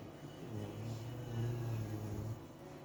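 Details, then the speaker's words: A puggle (small dog) snoring. "just listen to this little guy puggles snoring"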